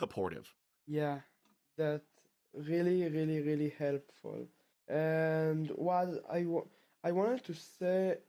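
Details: Male 12th-grade high school student from Israel who has stuttered since about age two; his stutter returned after two years of fluency; stuttering.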